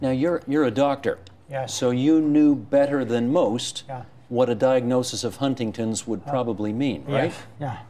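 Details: Adult male interviewer; Typical adult speech.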